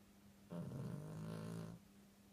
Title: Tired snoring Chi....